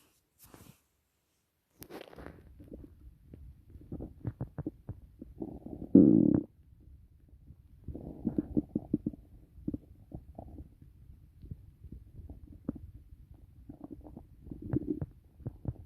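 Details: Stomach growling during digestion after a meal of steak, rice, tomatoes and carrots: irregular gurgling and rumbling from the abdomen, ordinary active bowel sounds (borborygmi).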